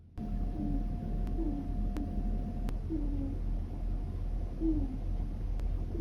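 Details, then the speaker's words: Several very faint, short, soft squeaky hoots from a sleeping rabbit over low room hum; owner unsure whether snoring or sleep-talking. "ももちゃんのいびきなんとふふ音がすると思ったらももちゃんのいびき寝言だったすっごく小さい声なので音を最大にして聞いてみて"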